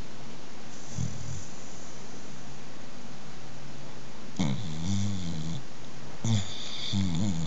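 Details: Five-year-old female AmStaff asleep with eyes half open and dreaming, possibly puppy dreams with suckling tongue movements: low rumbling snores on each breath with soft whimpering over steady room noise.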